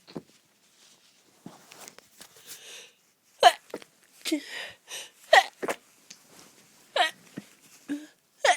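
A run of short, muffled, clipped bursts with quick breaths between them: repeated sneezes held back or half suppressed.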